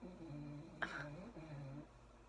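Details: Sleeping female pet, whom the owner thought might have been sneezing earlier, snoring: low, droning, faintly tonal snores in two long stretches, broken by a brief sharp snort, in a quiet room.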